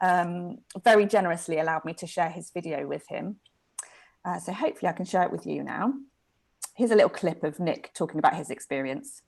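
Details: Adult speaker; typical speech.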